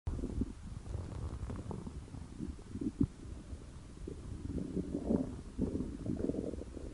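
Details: A person's hungry stomach growling: low, rolling gurgles and growls from the abdomen, typical bowel sounds of an empty stomach; borborygmi.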